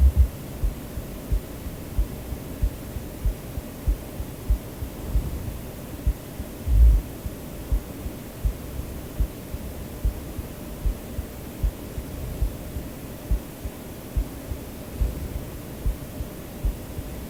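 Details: The person's own recorded heartbeat, heard as steady low thumps at about 60–70 a minute under soft white noise in a sleep-aid recording; a regular, normal heartbeat.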